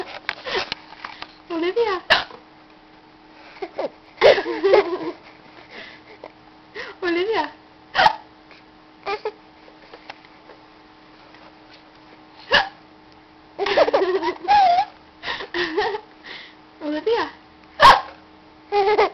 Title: Laughing at moms hiccups